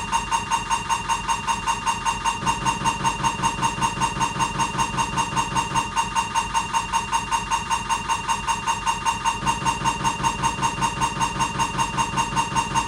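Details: Siemens MAGNETOM Lumina 3 T MRI scanner during an abdominal exam: steady, loud rhythmic buzzing and knocking at about 150 a minute, shifting in pitch now and then, sounding like a diffusion sequence; MRI scanner noise.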